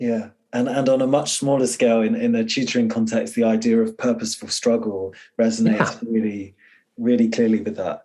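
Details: Adult man speaking; typical speech.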